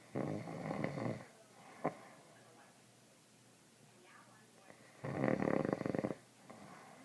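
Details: Adult father snoring, with loud, harsh rattling snores on inhalation and quiet pauses between; recorder notes this is not as loud as it gets.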